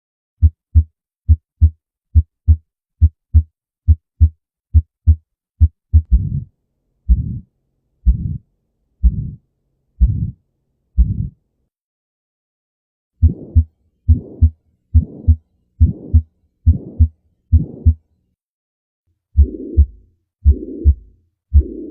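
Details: Several heart recordings in sequence, some beats followed by drawn-out whooshing sounds: abnormal heart sounds.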